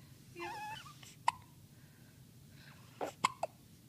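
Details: Small sharp hiccups from a 3-day-old newborn girl after her first good feed, with soft fussing sounds in between; ordinary newborn hiccups.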